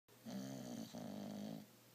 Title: Snoring